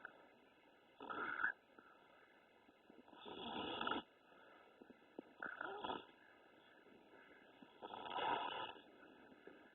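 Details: Baby boy snoring: four rasping snores about every 2.5 seconds, some longer and louder, quiet breathing between, heard through a small phone-like speaker.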